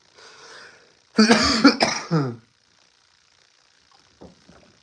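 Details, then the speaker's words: Adult man still sick with a common cold, also mentioning wheezing: a short run of harsh, throaty coughs with throat clearing in a quiet room. "I'm sorry if you hear me coughing or wheezing or whatever but yeah man I'm just I'm still I'm still sick"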